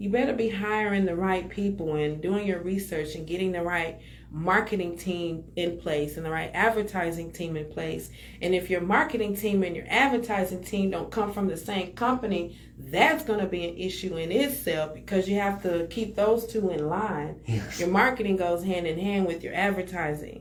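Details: Adult speaker; normal speech.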